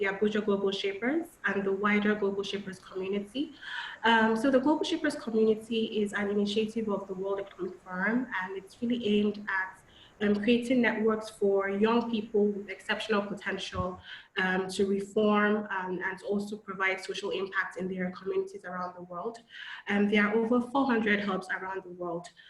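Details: Adult woman speaking; normal speech.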